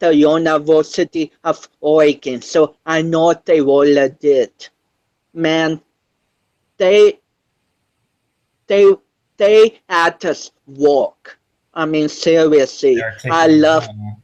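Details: 25-year-old male powerlifter with cerebral palsy since birth, affecting balance, coordination and speech; speech impairment associated with cerebral palsy.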